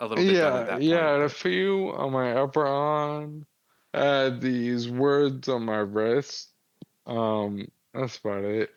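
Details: 35-year-old man with Friedreich's ataxia, a progressive inherited neurological disease diagnosed at 19 and affecting muscle coordination; it affects his jaw and tongue movement, noticeable since about age 33-34; wheelchair user; ataxic dysarthria.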